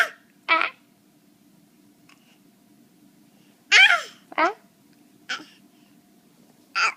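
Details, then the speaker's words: Hiccups: brief, abrupt vocal catches in a quiet room, about six over seven seconds. "What are you doing, drill butt butt? You get the hiccups?"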